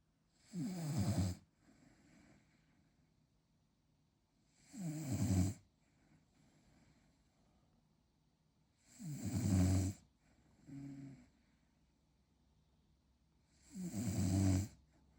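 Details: Male French bulldog in deep sleep: loud, rattling snores in a slow rhythm, about 14 breaths a minute, with quiet gaps between; heavy snoring.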